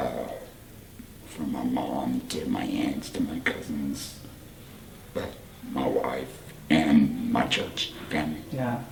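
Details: Adult man, 38, whose voice box was removed for cancer about four years earlier, speaking with a voice prosthesis and HME: tracheoesophageal speech after laryngectomy.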